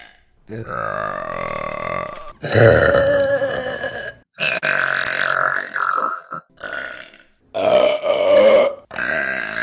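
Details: Deliberate burping from a burp compilation: about five long, loud, voiced burps in a row, each lasting one to two seconds.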